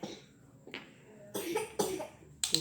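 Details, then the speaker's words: A child with an asthmatic cough: three short, abrupt cough bursts with a fainter sound before them in a quiet room. "Hai Putri ini saya akan memijat anak saya yang kena batuk asma pakai minyak tawon dan juga minyak kayu putih"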